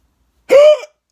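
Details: Adult who thinks they ate too fast; a single short voiced sound with sudden onset; hiccup.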